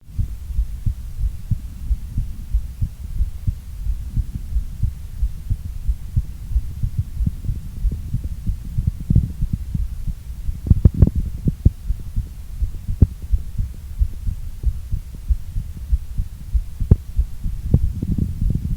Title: Increasing heartbeat sound during workout + short recovery